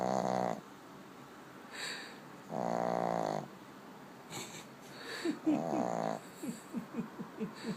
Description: My dog Maggie snores